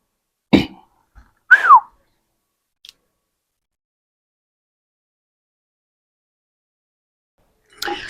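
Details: Vocal tics (throat clearing, whistling) in a schoolboy with Tourette syndrome whose teacher reports grunting sounds in class and who was previously said to have ADHD.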